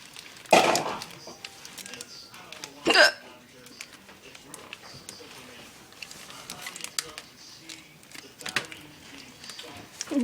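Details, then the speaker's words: Two sharp, abrupt hiccups a few seconds apart against quiet room noise; the person says they have the hiccups and need water, then thinks they went away; the hiccups are described as painful. "i got the hiccups and i need some water yes never mind i think it went away"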